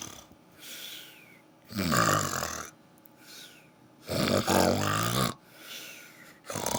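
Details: Rhythmic snoring in sleep: loud, rough snores, two on the in-breath, with softer hissing out-breaths between them.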